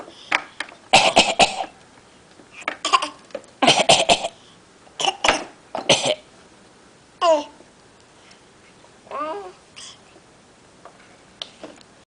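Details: Voluntary coughing in a coughing contest between a young child and his grandfather: short, sharp deliberate coughs in quick runs, with a couple of playful voiced sounds between them.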